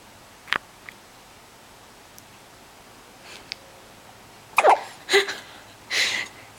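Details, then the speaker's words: A baby's first hiccups: several short, abrupt catches of breath spaced a second or so apart in a quiet room. "hiccups. Poor baby. Yeah."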